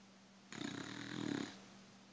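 A single rough, fluttering breath lasting about a second, with a whistling edge, over quiet room hum: a dog's snore.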